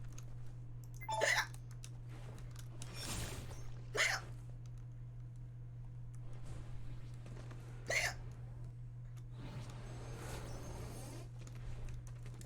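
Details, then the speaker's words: Woman with hiccups while streaming and playing video games: three sharp, abrupt hiccup sounds a few seconds apart over steady low room hum; hiccups. "Because I'm playing hiccups. I'm getting the hiccups out of playing video games. While streaming."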